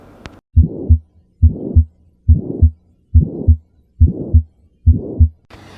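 Regular heartbeat near 70 a minute with a harsh swelling-and-fading murmur filling the gap between the two heart sounds: pulmonary stenosis systolic murmur.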